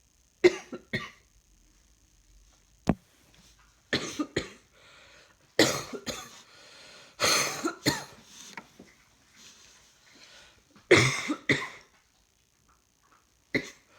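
About eight short, harsh coughs in scattered single bursts and pairs, with quiet gaps between.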